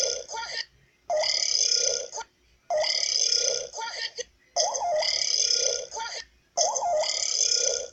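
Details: Burping compilation: four long, loud, drawn-out belches in about eight seconds, each followed by a shorter tail; repeated burping.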